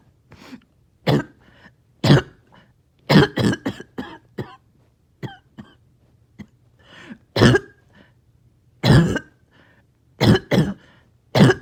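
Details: Repeated harsh, wet coughs and throat clearing in short bouts after a breathing treatment, part of a long, painful spell of mucus clearing; a productive cough bringing up phlegm.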